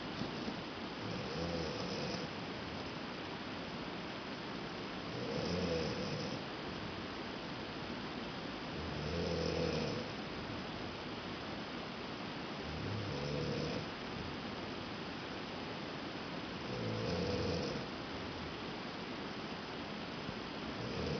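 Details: Adult woman snoring in the middle of the night in the next room, with a rain-sound noise maker playing: slow, regular rumbling snores on each breath in, about 15 a minute, over steady room hiss; ordinary snoring.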